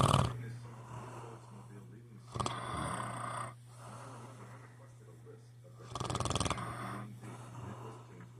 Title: he says he doesn't #snore